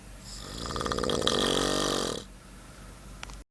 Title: Snoring Beauty